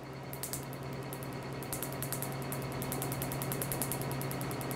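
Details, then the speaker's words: PicoSure picosecond laser firing during tattoo removal on an anesthetized patient's 12-year-old tattoo, skin frosting: rapid sharp snapping clicks over steady machine hum; laser pulse clicking. "what the pico sure does is by the trillionth of a second it helps to break down the fragments and start to treat"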